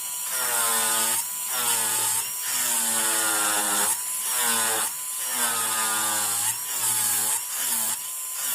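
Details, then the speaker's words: Simulated preparation of mandibular first molar (FDI #36) on a typodont for full veneer crown: high-speed handpiece whine in repeated passes, pitch dipping under load over spray hiss, lowering margins near gingiva with end-cutting bur. "So axial surface remains unreduced, only the margin keeps going down."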